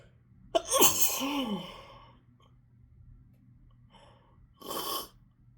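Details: Sneezing fit at work on a rainy day, sneezing all morning without tissues: a sharp, forceful sneeze with a rising squeaky inhale, then a quieter second burst, among repeated sneezes.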